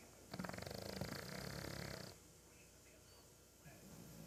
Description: Peke Gentry snoring upside-down and doing a body roll with each snore